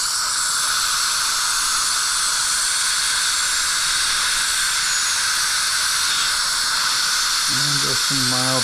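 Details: Steady high-pitched hiss and whine of a high-speed dental handpiece with a thin black diamond bur, brief pitch shifts, during initial occlusal reduction of upper right molar (tooth #3) after old PFM crown removal.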